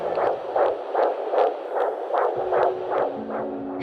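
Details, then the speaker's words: Fetal heartbeat on a hospital ultrasound of the mother's daughter; the mother had been told she could not conceive. Rapid, regular whooshing pulses at about 150 a minute with a faint hum underneath. "and what followed was me hearing the most beautiful sound which was my daughter's heart"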